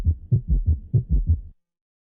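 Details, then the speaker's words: Ventricular (S3) gallop from an auscultation tutorial, around 120 a minute: fast, low-pitched triplets from rapid ventricular filling against weakened myocardium, described as a sign of left heart failure. "es producido por un llenado ventricular rápido contra un miocardio debilitado por lo tanto es un signo patognomónico de la insuficiencia cardíaca izquierda escuchemos ahora un galope"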